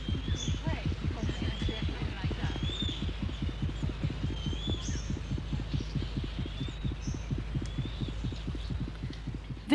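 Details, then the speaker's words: Seychelles seabird sitting tight on its egg: fast, steady, low thumping pulse at roughly 150 beats a minute with bird calls behind it. The pulse rises as visitors approach; the bird looks calm but is terrified. "But the bird's pulse rate changes as a group of visitors draws near. The bird might look calm, but it's audibly terrified."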